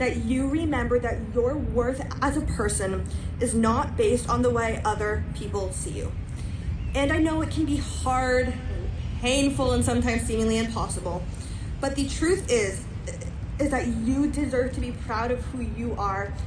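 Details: Stuttering in a female high school senior, a self-described person who stutters, with word repetitions during a live graduation speech.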